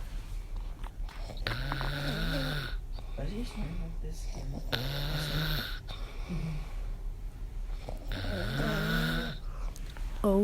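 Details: Man snoring really badly on night two of recording: loud, rattling snores on each inhalation, about three in ten seconds, with quiet pauses between.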